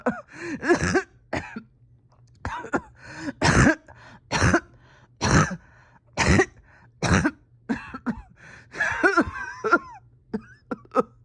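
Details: Painful cough from a patient reporting a tight chest and steady oxygen levels after a rough weekend: about eight harsh, strained bursts in eleven seconds, with throat clearing and groaning between.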